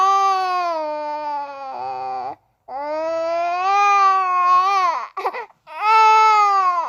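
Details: Infant boy crying: loud, sustained wailing cries with short pauses and catches of breath between them; ordinary infant crying.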